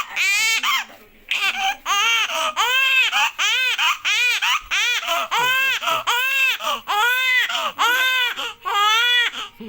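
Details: Baby boy under two months old, described as newborn: loud, rhythmic, high-pitched wails in short bursts with quick breaths between; vigorous infant crying.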